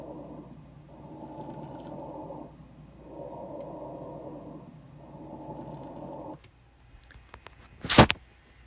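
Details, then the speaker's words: Lung recording played during EKG technician training on respirations: three noisy breaths with a fine popping, crackling texture likened to Pop Rocks; crackles (rales). "one of the things we're talking about are wheezing rails and Rocky and I was like H what are rails I want you guys to listen to what this sounds like this is somebody's lungs but this is the one you guys that reminds me of Pop Rocks"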